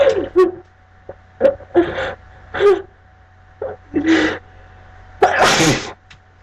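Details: Several sharp sneezes with catching breaths between, ending in one forceful burst of repeated sneezing.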